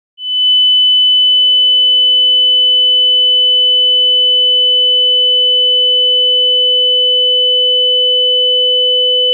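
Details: Simulated tinnitus: a steady high-pitched ringing tone joined by a lower steady hum, unchanging throughout.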